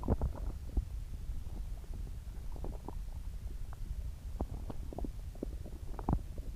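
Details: Borborygmi (bowel sounds).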